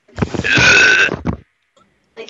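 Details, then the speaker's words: Gamer burping: a single loud, drawn-out belch with a rough, rumbling vibration, followed by a brief exhale; ordinary burping. "Like, that is ew. You guys burp like that. I don't get how he burps like that."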